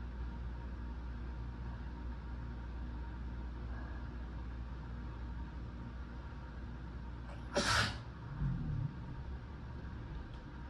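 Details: One sharp sneeze with a short follow-up sound over steady engine-like room noise, part of a strong sneezing fit while sick.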